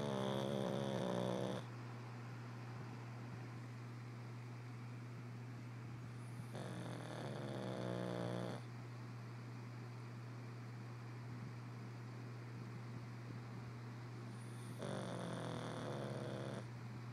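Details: Pug snoring with eyes open: three long, rattling, nasal snores about every seven seconds over a steady low hum.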